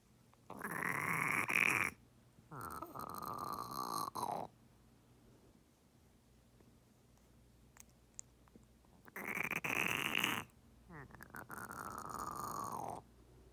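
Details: Pet turtle (female) gasping, swimming with mouth open, unable to submerge, diagnosed with pneumonia by a second vet, on ceftazidime injections for 3 weeks: two loud, harsh, squeaky croaking breath cycles.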